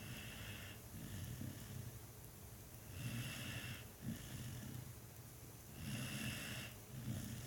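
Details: Sleeping dog snoring contentedly: soft, low rumbling snores at roughly 20 a minute with hiss on each breath; noisy recording.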